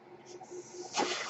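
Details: Soft low hum followed by a rising airy hiss, the rhythmic air delivery of the male podcaster's own ventilator, heard in the background as he speaks; mechanical ventilator sound.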